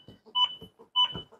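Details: Regular AED metronome beeps pacing chest compressions during AED/CPR training, in two-minute cycles after 'no shock advised' prompts, with instructions to push harder, not faster.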